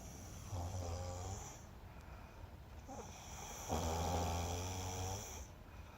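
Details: Younger brother in deep sleep with his eyes still open: two long, rough, low rattling snores on the in-breath, separated by a quiet pause.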